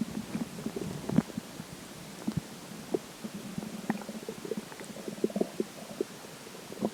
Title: water stomach growls